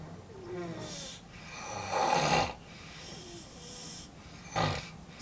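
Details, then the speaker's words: Overnight sleep-study recording of a worker in their 20s: loud, muffled, resonant snoring bursts with quieter breaths and pauses; snoring suggestive of obstructive sleep apnea, diagnosed moderate, 25 apneas an hour. "え、明らかにびきで睡眠15級走になりそうなびきですね。なりそうな。なぜ?え、このこもった非常に大きなピッチの響びきっていうのが特徴です。"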